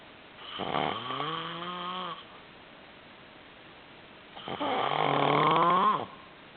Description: snoring loud